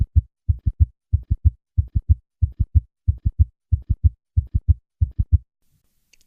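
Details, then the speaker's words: Summation gallop: a single loud diastolic sound where the two sounds superimpose, best heard at the cardiac apex in left lateral position; three normal beats, then the gallop, about 95 a minute, giving a galloping triple rhythm. "e in this case a single loud diastolic sound is heard as the two sounds superimpose on each other listen to a patient with a summation gallop I will start with three normal beats and then add the summation gallop"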